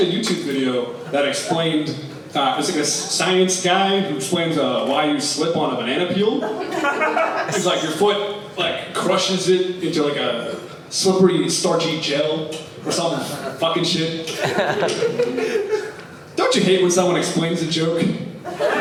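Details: Tourette syndrome in an adult male comedian, real involuntary cursing vocal tics during a stand-up set; he also reports motor (shaking) and sniffing tics; vocal tics (coprolalia).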